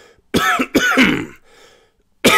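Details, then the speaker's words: Adult man, sick that week with voice still affected, fighting off a cough: a short run of harsh coughs ending in a throat-clearing rasp. "i'm fighting off a cough right now excuse me i'm leaving that in"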